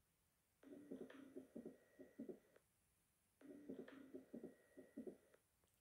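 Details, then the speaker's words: Diaphragm at the mitral area with patient supine: two short runs of heart sounds with a sharp mid-systolic click between normal first and second sounds; S2 unsplit, no murmur. "this is an auscultation example of mid systolic click here at the mitral valve area the first and the second heard sounds are normal the second heard sound is unsplit and no murmur is present so that you can concentrate on the systolic click"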